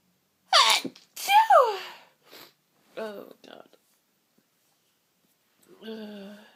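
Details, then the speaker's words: A sneezing fit: two quick sneezes with voiced build-up, then short vocal sounds and a sigh, from a very sniffly person with streaming eyes, false starts and stuck sneezes; sneezing. "Sneezing, it's just no relief. It tickles."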